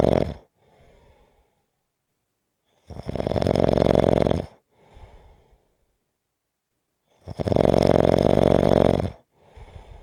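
Loud, rattling snores on each in-breath, about four seconds apart, with quiet breathing out between them; about 14 breaths a minute.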